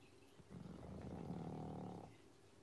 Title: PUG ASMR - Pangpang the Pug sleeping and snoring on his fav beanbag (YouTube Live YouTube Short)